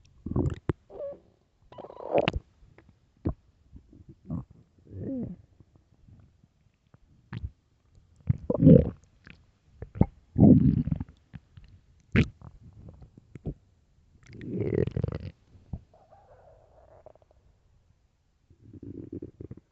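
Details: Early-morning stomach growls: irregular low gurgles, squeaks and rumbles in quiet; ordinary borborygmi as gas and fluid move through the gut.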